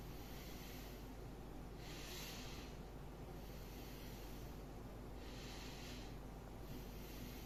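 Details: Soft, rushing breath sounds heard by stethoscope over the posterior chest, top to bottom, during a physical lung exam; two slow deep breaths over a steady low hum, no added sounds: normal vesicular breath sounds, within normal limits.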